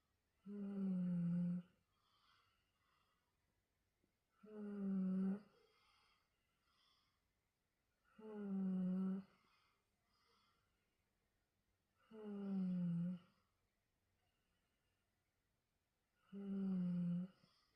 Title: Snoring,,try not to laugh🤣🤣